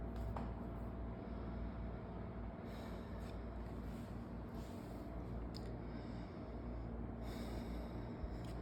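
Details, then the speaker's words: Practical lung exam with the stethoscope diaphragm over the tracheal region of the anterior chest, patient silent and breathing in and out; normal tracheal breath sounds. "primeiro a gente começou pela região traqueal onde a gente aos cutos som traqueal"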